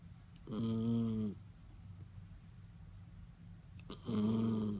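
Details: Female Schnauzer snoring.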